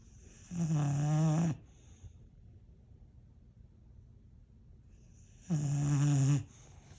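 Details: Boxer dog snoring loudly, with a stretch between snoring bouts: two loud, rumbling snores about five seconds apart, quiet breathing between, roughly twelve breaths a minute.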